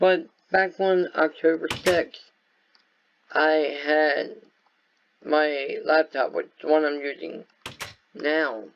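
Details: Speech impairment in an adult man caused by viral meningitis with a very high fever at about six weeks old, which also affected his walking, eyesight and hearing.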